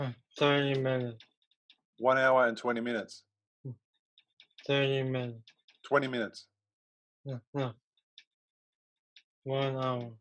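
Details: Aphasia in a young male about 3 years after a stroke from a ruptured arteriovenous malformation at age 15 that caused a coma; a problem getting words out rather than understanding.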